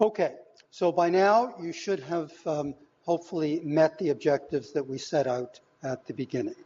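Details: Adult lecturer; Normal speech.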